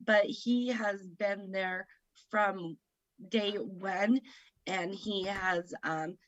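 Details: Woman with aphasia after a stroke at age 38 in September 2018 that affected her right side, speaking about 3 years after onset; aphasia.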